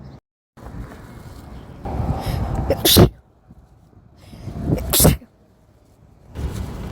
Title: Some sneezes (a bit desperate at the end)